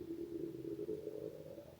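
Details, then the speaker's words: Audible stomach rumbling (borborygmi) from a young woman who says she is very hungry. "J'arrête pas de faire des boucles en ce moment, mais si je continue, mais ah, j'ai gargouillé. Vous avez entendu mon ventre ?"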